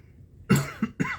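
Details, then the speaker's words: Adult with chronic cough and wheezing, set off by talking; an ENT scope showed redness and irritation at the top of the esophagus and suspected acid reflux. Coughing occurs while speaking. "me. Sorry, I'm going to be coughing a lot because all this talking is going to make me cough."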